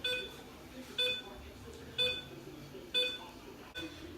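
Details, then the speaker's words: Four short high-pitched beeps about one a second over quiet room noise: exposure signal of a dental X-ray unit during veterinary dental radiographs using a parallel technique on mandibular molars. "so I'm gonna press the button now once it beeps let go"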